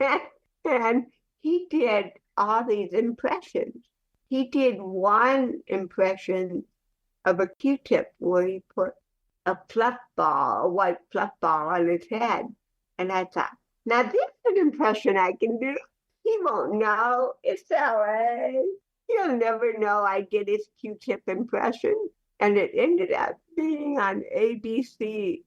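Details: Adult woman, a professional actress and comedian, with cerebral palsy, speaking in a podcast interview; dysarthric speech in cerebral palsy.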